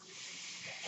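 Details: Steady airy hiss of pushed air swelling slightly at the end: mechanical ventilator airflow from the podcast speaker's own ventilator delivering a breath during speech.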